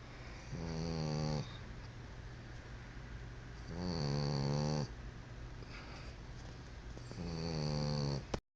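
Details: Steady snoring during sleep: three droning, buzzy snores on breathing in, about one every three seconds, with a faint whistle.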